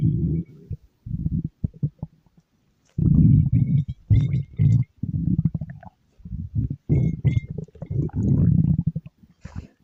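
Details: Stomach growling (borborygmi): low, uneven, bubbling gurgles and rumbling bursts.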